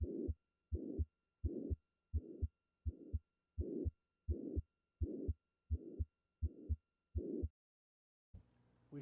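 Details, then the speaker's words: Simulated tricuspid regurgitation: a high-frequency holosystolic plateau-shaped murmur between the beats that increases with inspiration. "This is a graphic example of the holo systolic plateaushaped murmur of tricuspid regurgitation. Note that the murmur increases with inspiration and that it is high frequency."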